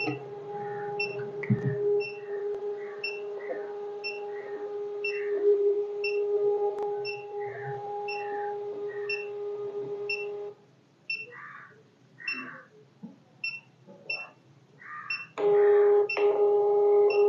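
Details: Uniwer UMS 7E3 Plus 3-channel touchscreen ECG machine demonstration: regular short electronic beeps with background music and a steady tone; ECG machine beeping.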